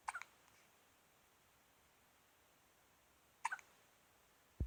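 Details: Two brief, soft, sharp catches about three seconds apart in a quiet room; infant hiccups.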